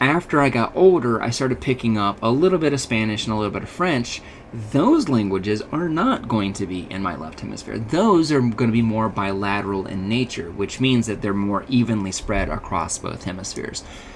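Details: Adult male speaker, lecture; normal speech.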